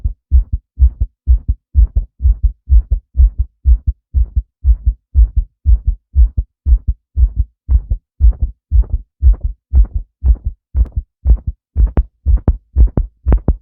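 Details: Adult male heartbeat: strong, regular low double thumps, about 120 a minute, clear and on the fast side.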